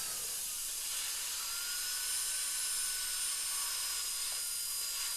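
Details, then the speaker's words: Crown preparation of upper molar (tooth #2) with an old amalgam filling, rubber dam in place: steady high-pitched hissing whine of a number six stainless steel round bur pushed hard to clean out decay in dentin near the pulp chamber; dental drill. "I like to buy stainless steel [Music] rounders cuz they're not overly aggressive as you're getting close and you're into Denton you're getting close to the pulp chamber they don't want to remove anything unnecessary so that's why I like stainless steel"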